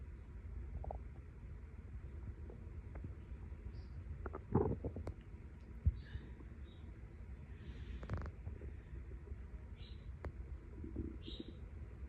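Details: Person's abdomen still digesting a late breakfast after some light cleaning: soft low rumbling with a few brief gurgles, normal bowel sounds (borborygmi).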